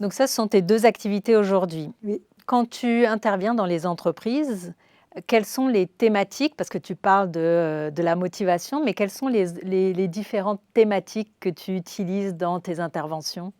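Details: Adult woman speaking French; normal speech.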